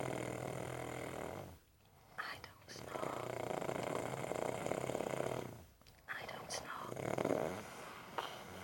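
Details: Long, rough, rattling snores on each breath, with brief pauses and small snorts, from someone who denies snoring; ordinary loud snoring.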